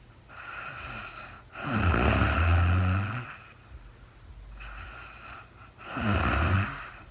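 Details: Real-time overnight recording of a woman sleeping, part of a four-hour recording, no talking: two low, vibrating snoring breaths with a steady background hiss; snoring during sleep.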